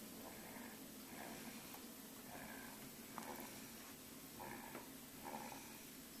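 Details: A 9-month-old baby snoring: faint, soft, rattly breaths about every two seconds under a steady background hiss; mild infant snoring.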